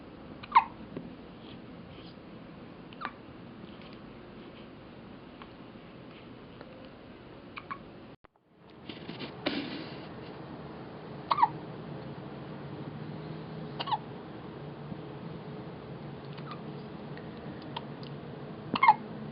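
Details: First hiccups of a 2½-week-old baby girl, who seems startled by them: brief sharp hiccups every few seconds, about 8 in 19 seconds, over quiet room noise; normal newborn hiccups.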